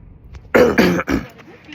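Two or three harsh, forceful throat-clearing bursts in quick succession, like a short cough, against quiet room noise.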